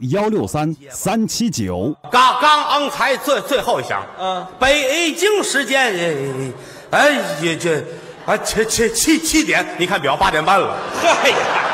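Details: Acted, not real: a crosstalk performer imitates someone with a mouth defect, producing slurred, air-leaking sibilants. Finding: imitated lisp with slurred, air-leaking sibilants.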